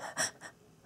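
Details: Respiratory tics in a person with Tourette syndrome during a day of intense tics lasting all night, with chest pain; trying to slow breathing about half an hour after taking medication.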